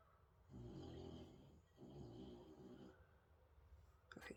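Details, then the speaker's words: A sleeping dog gives two long, low, rattling snores, about a second each, with a brief clatter of room noise at the end. "That's Lexi, you can hear snoring."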